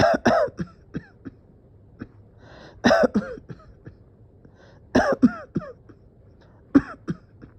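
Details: Sustained coughing fit with dizziness and feeling near to passing out: repeated bursts of harsh coughs, about a dozen in clusters, with throat clearing between them.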